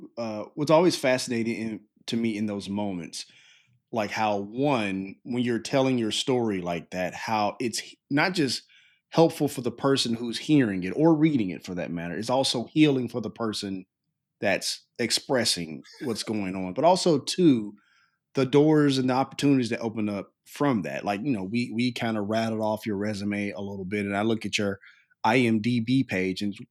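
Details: Adult male speaker; typical speech.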